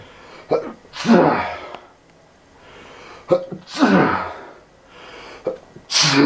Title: STOPPING THE SPREAD AND SNEEZING LIKE CRAZY AND CAN'T STOP